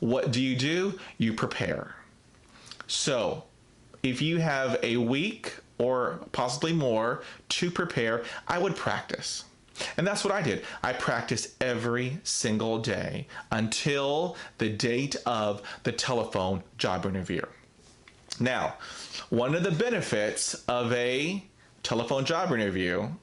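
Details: Adult man who stutters: stuttering.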